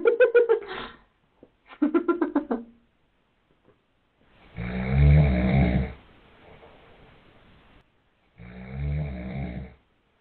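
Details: Snoring from a sleeping father; his baby crawls over and slaps him in the face to stop it, and he stops briefly before resuming.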